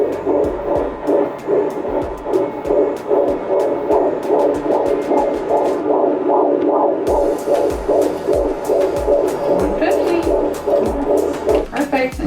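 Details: Fetal heartbeat on Doppler at a 22-week prenatal midwife checkup, sixth pregnancy: rapid whooshing pulses at about 150 a minute over Doppler hum; mother's checkup reported as all normal.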